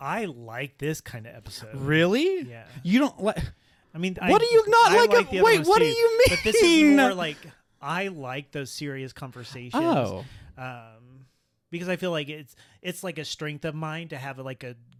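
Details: Stuttering in an adult man who has stuttered his entire life, much worse in childhood and milder now, with blocks and awkward pauses, using "like" as a springboard out of stutters.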